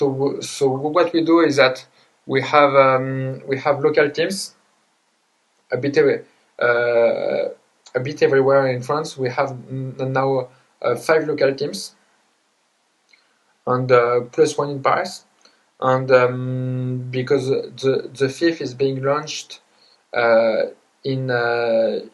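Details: Adult man, a self-described person who stutters, with word repetitions: stuttering.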